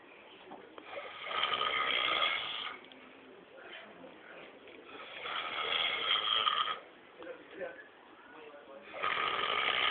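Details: Man snoring during sleep, deeply asleep: harsh, rasping snores on a muffled, thin-sounding recording, about 17 breaths a minute, with quieter breaths between; snoring.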